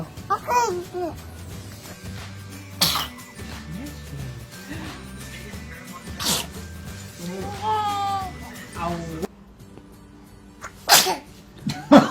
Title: Babies sneezing